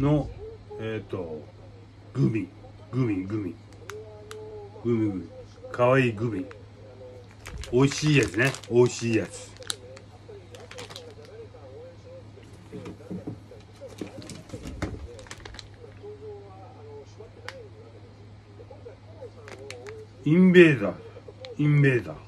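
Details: Aphasia in a man with hemiplegia and paralysis after a brain hemorrhage; repeated syllables.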